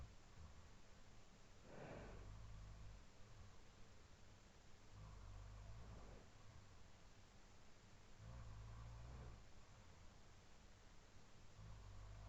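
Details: Real overnight sleep recording, looped from 4:17–4:20 AM after falling asleep about 2:10 AM: a roommate's low, rough snores about every three seconds, with quieter sleep breathing between them, over steady room hiss.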